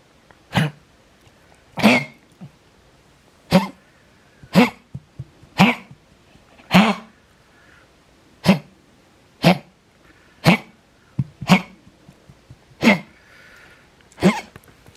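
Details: Cardiac cough in an older female dog with congestive heart failure: a long bout of about a dozen sharp, hacking coughs; she had a known heart murmur, and X-ray showed a one-sided enlarged heart and lung fluid; treated with furosemide and Vetmedin.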